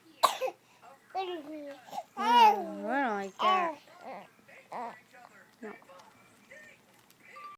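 A single sharp cough opens the clip, followed by drawn-out voiced groans and quieter vocal sounds.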